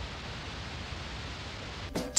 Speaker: sometimes roaring pulsing or whooshing can be related to a treatable medical condition and if that's the case if you have one of those types of tinnitus i recommend seeing an ear nose and throat doctor